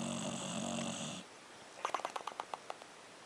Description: English bulldog snoring & lips flapping